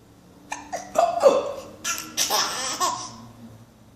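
Several short, sharp voiced catches in quick succession, close together like hiccups with a laughing quality; infant hiccups.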